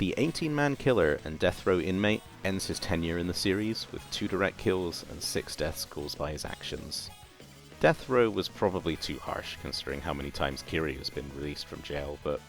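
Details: Adult male narrator; Normal voice.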